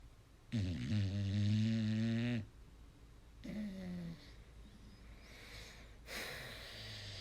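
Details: Snoring: two loud, low, rattling snores on inhalation with quieter breaths between, in a quiet room.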